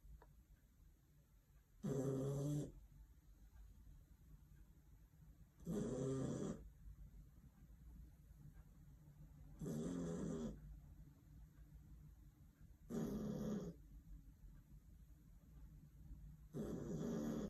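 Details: Sleeping dog snoring very loudly: loud rattling snores at a steady pace of about 16 a minute, with quiet pauses between; ordinary snoring.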